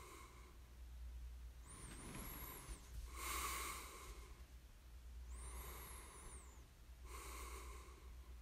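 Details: Snoring in a sleeping person: noisy breathing with a whistling nasal sound on each breath, about two breaths in eight seconds, over a low steady room hum.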